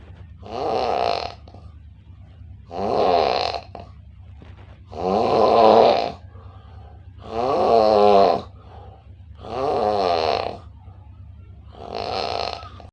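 Six loud, regular snores about two seconds apart, roughly 26 breaths a minute, over a steady low hum.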